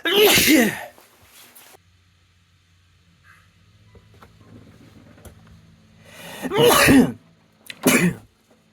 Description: Compilation of the sneezes I managed to record this week.